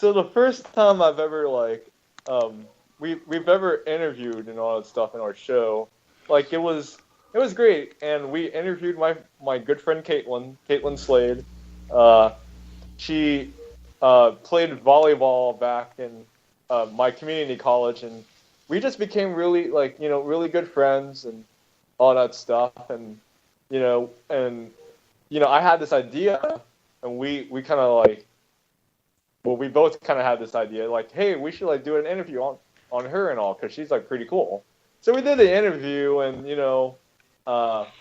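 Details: Adult male speaker; normal conversational speech.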